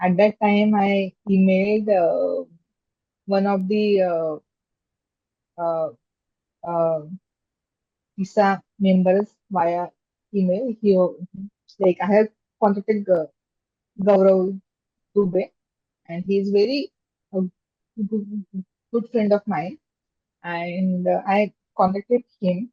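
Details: Stammering in an adult woman, a software engineer, who stammers, speaking in an interview.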